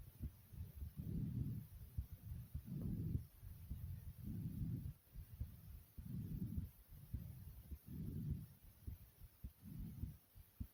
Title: Heart Beating And Breathing Sounds